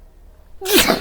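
A single sharp sneeze: a quiet intake, then a sudden loud, hissing burst of air.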